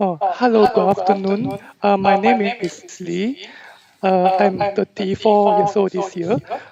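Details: 34-year-old male with puberphonia since puberty (about age 11-12), lasting 20-22 years; the therapist attributes it to vibrating only the thin edges of normal vocal cords; recorded before voice therapy.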